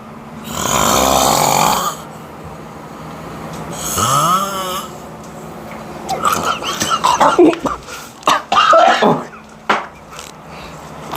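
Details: Sleeping friend snoring, being pranked awake: two loud, harsh, rattling breaths, the second rising in pitch, then rustling and bursts of movement noise.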